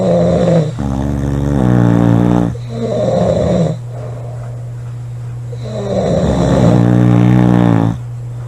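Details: Two girls snoring: loud, buzzing, rattling snores in long repeated breaths over a steady low hum; heavy snoring.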